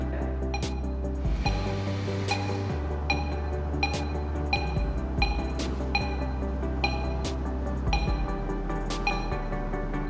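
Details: An adult doctor wears ECG leads on himself in an operating room; during a slow breath in a biofeedback demonstration, the monitor beeps once per heartbeat, about 75–80 a minute, with slightly uneven spacing showing heart rate variability.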